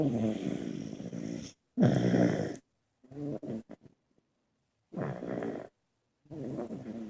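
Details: Several people snoring during sleep: loud fluttering snores in bursts separated by brief gaps.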